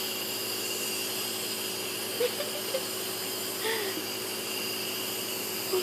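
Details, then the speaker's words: Steady mechanical hiss and hum of a running nebulizer delivering albuterol to a young child, with faint child sounds in the background. "We're on the same medication, alright? It's just albuterol, same bubble."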